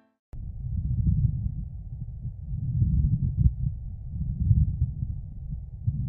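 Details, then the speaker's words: Audio teaching example of a pleural friction rub: low, rough creaking sounds swelling and fading with breathing. It stops when breathing stops, unlike a pericardial rub, which continues with each heartbeat during breath-holding. "a pleural rub stops when breathing stops listen to an example of pleural friction rub"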